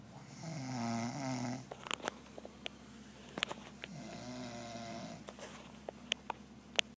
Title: Turtle buck snoring